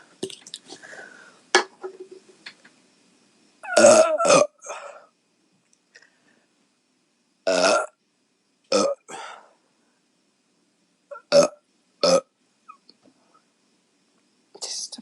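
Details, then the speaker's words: Young woman belching after drinking many beers, feeling bloated with pressure: a run of about nine voiced belches of varying length and loudness spread over quiet pauses; burping. "All those little burps, I thought, oh my God, am I not going to have a big burp? Because I feel like there's so much pressure, so thank God."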